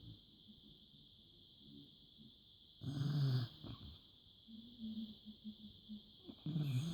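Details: A sleeping dog gives irregular rumbling snores and snorts over a steady high room hum; snoring.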